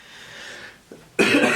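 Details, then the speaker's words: Adult man coughing while recording a podcast: a breath, a short catch, then one loud harsh cough burst. "me um this is gonna be the coughing episode of Christmas"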